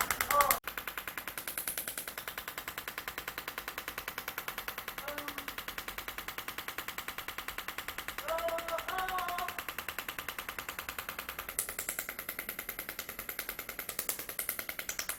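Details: Extracorporeal shockwave therapy device firing at about 200 pulses a minute, with brief voices, treating a woman's heel pain (Achilles tendinitis) unimproved after 20 prior shockwave sessions; treatment follows a muscle-chain approach, including the lateral gastrocnemius head.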